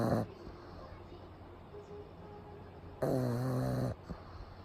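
Loud rattling snore on each breath in, with quieter breathing between, from a sleeping flat-faced dog.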